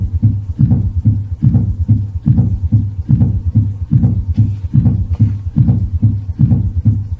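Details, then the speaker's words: S4 gallop: regular low heartbeat about 72 per minute with an extra soft low sound just before the first sound, produced by atrial contraction against a stiffened left ventricle; absent in atrial fibrillation. "and again you need to have a choke contraction against a stiffened left ventricle to produce an s4 gallop and s4 gallop sounds as follows"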